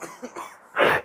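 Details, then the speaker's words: Man coughing after eating very hot chips: faint throat sounds then one harsh, forceful cough burst, choking a little. "Oh my god. Okay, he's coughing."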